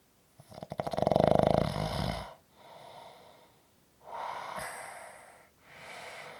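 Loud rattling snore on the in-breath, followed by softer breaths and another snore: ordinary snoring.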